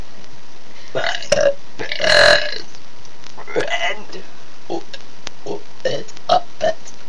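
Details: Two people having a playful burping conversation: repeated deliberate voiced burps, some shaped into words, mixed with talk; burping.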